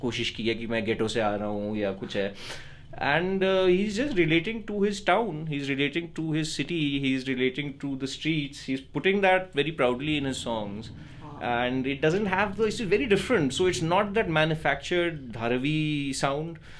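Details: Adult man speaking; typical speech.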